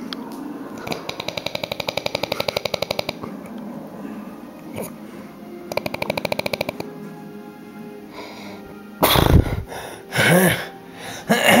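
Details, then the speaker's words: Weird snoring from a sleeper being comforted: runs of buzzing, fluttering, vibrating snores with background music and a voice near the end. "okay here is a video of weird snores"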